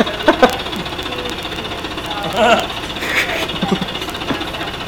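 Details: High-frequency chest wall oscillation vest running at 13 Hz for airway clearance: steady rapid mechanical buzzing and vibration with brief voices; wearer feels the pressure.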